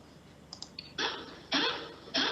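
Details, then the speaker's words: Dry cough typical of mitral valve disease in dogs: three short, harsh, dry bursts with no wet rattle. "Okay, this is kind of a cough what we notice with in case of valvular disease patients, or the mitral valve disease patients. And the most importantly, cough, it should be a dry cough, and the cough is more predominantly noticed during the nights."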